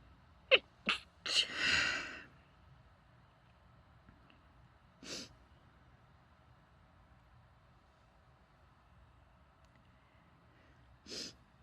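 A few short stifled sneezes in quick succession, then a fuller sneeze, with two more sneezes later in a quiet room.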